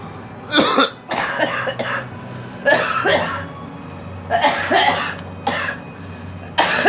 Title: Girl coughing